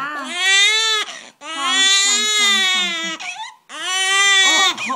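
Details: Loud, high-pitched infant cry in three sustained wails separated by brief breaths; infant crying.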